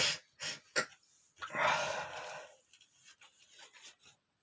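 A few sharp inward breaths and then a loud explosive uncovered sneeze, followed by quieter sniffing: a sneeze.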